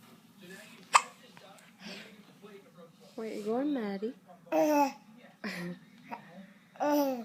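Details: Hiccups in a young girl who seems to enjoy them: a sharp, sudden hiccup catch amid her babbling and laughter in a quiet room.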